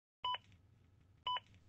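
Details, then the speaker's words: Zoll AED Plus Real CPR Help demo: two short electronic double-tone metronome beeps about a second apart, the adaptive metronome that speeds up when compressions are not fast enough; AED CPR metronome beeps. "are not pushing fast enough the beeps will speed you up"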